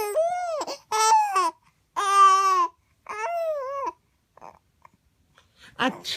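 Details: A sick 4-month-old baby gives four rising-falling tonal cry bursts of half to one second with brief pauses, while the father imitates the baby's sneezing sound; an ordinary infant cry.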